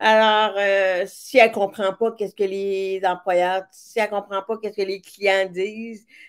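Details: Severe-to-profound deafness in an adult woman who hears with her right ear via a hearing aid and now a cochlear implant, and who worked on her voice on her own; deaf speech (speech of a person with severe-to-profound hearing loss).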